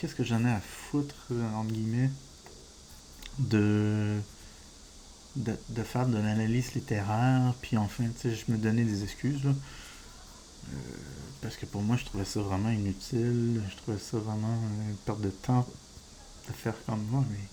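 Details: Adult male with diagnosed ADHD, disfluency he says resembles stuttering but is not stuttering, linked to wanting to speak faster than he can express himself: stuttering-like speech disfluency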